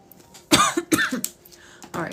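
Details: Persistent cough described as a pregnancy symptom in a pregnant woman, not yet investigated unless it continues after maternity leave: two or three short, harsh cough bursts with a throat clear, in a quiet room.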